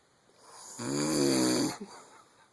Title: Ic weakness snoring